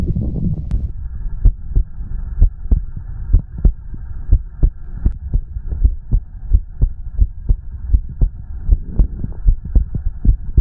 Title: the sound of a heartbeat and stomach growling